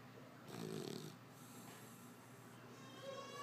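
A single short, rough snore on an indrawn breath, then quieter breathing with faint background noise.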